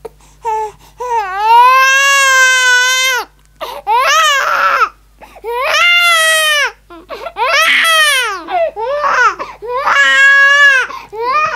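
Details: Loud, high-pitched infant crying in repeated sustained wails broken by brief gasping breaths.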